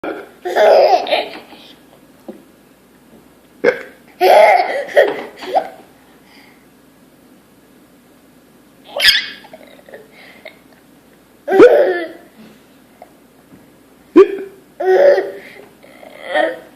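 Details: 1-year-old boy with hiccups: sharp, abrupt hiccup sounds, each followed by his laughter, recurring several times over about seventeen seconds; hiccups.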